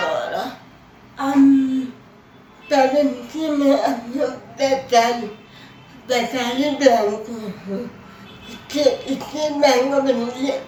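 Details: Adult woman with cerebral palsy who speaks with difficulty; her teacher says she could not be understood in class because she did not speak clearly: dysarthria (cerebral palsy).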